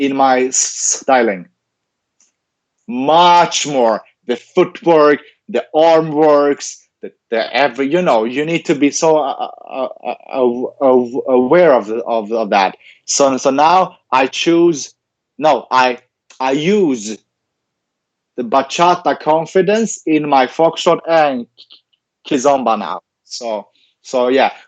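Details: Adult man with stuttering, in speech-language therapy since age ten and later trained as a speech-language pathologist himself; stuttering heard in an interview.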